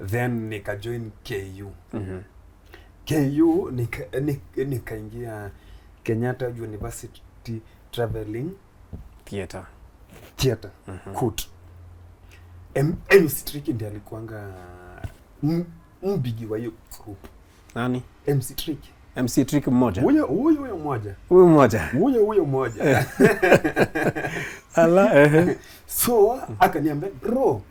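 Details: Stuttering (stammering) in an adult male Kenyan comedian who began stammering in school; blocks occur especially on plosive sounds, with head shaking during stammers.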